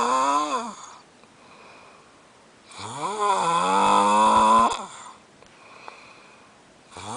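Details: Man snoring loudly enough to keep someone awake: loud, buzzy, tonal snores on inspiration separated by quiet pauses, heavy snoring during sleep.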